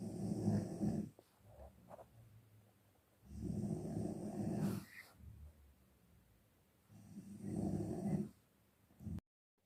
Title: SUARA NGOROK TIDUR PULAS